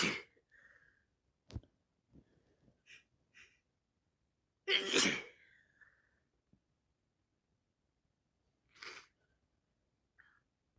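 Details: Person who says they are constantly sick with a cold: several separate sneezes, each a sharp noisy burst with a short breath around it, in a quiet room; repeated sneezing.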